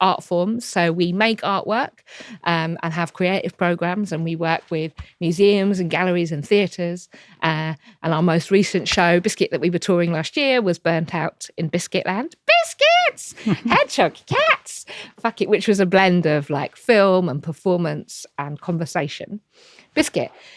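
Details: Adult woman with Tourette syndrome, diagnosed in her early to mid 20s and a wheelchair user, with frequent involuntary vocal tics and coprolalia. The finding is vocal tics of Tourette syndrome.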